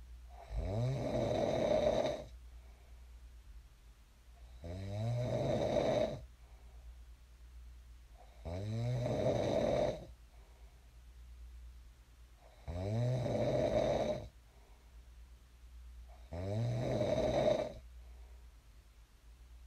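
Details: Sleep snoring recorded for ASMR: loud, rattling snore on each inhalation, about 15 breaths a minute, with quiet exhalations between; ordinary snoring in a sleeper who later woke up.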